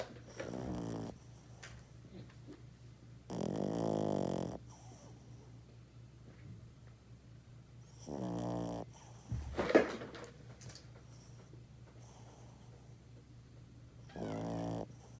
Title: 😱😱LOUD SNORING YORKIE 😂😂